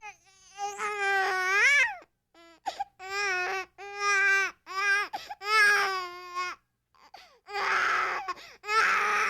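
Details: Sound-effect clip of a frustrated baby crying: short, rising and falling infant wails broken by catches of breath; a fretful infant cry.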